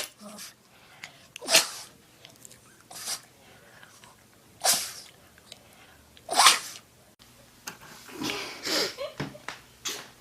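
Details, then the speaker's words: Puppy giving three sharp hissing sneezes with small snorts and soft room noise between; sneezing. "Oh, I'm sick. He sneezed on me. Don't sniff pain."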